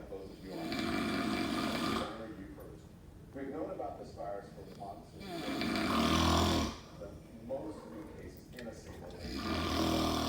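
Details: Very loud snoring: harsh, rattling snores on each breath, roughly 14 a minute, with quieter breathing noise between them.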